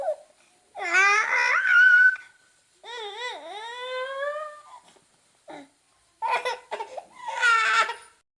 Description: Newborn baby first crying so cute